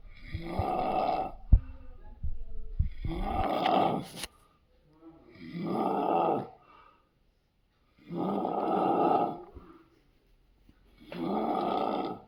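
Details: Sleeping Labrador dog: loud, rough snores recurring every few seconds, about 23 a minute, with short quiet gaps between them: heavy snoring.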